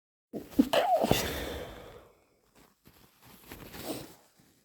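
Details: A single sudden, sharp sneeze followed by softer sniffing and breathing; the person wonders if they are catching a cold again.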